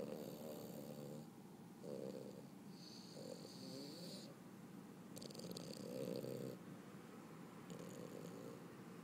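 Quiet, fluttering snores with faint whistles, several in nine seconds, over room hiss: gentle snoring.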